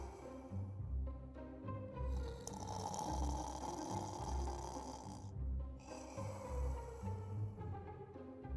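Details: Dad snoring while a puppy reacts: deep, rumbling snores repeating about once a second under background music.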